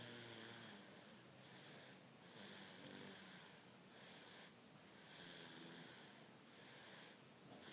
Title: Baby snore...